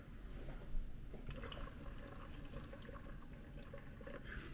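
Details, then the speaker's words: Chest drainage unit demonstration in medevac training, simulated: continuous rapid bubbling and gurgling in the water seal, a very high-grade air leak, as in pneumothorax; if persistent, a second chest tube may be needed. "An air leak is normal in the setting of a pneumothorax because that air is leaving the chest. However, a high-grade air leak that persists for a long period of time is a high-grade air leak and maybe needs to consider a second chest tube."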